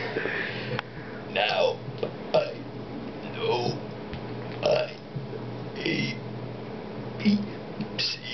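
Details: Man burping the alphabet: repeated forced belches shaped into spoken letters, each a short rough burst; voluntary burping done as a trick.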